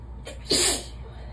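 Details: Single sharp sneeze in the shower with a brief in-breath before the burst, in a small echoing room.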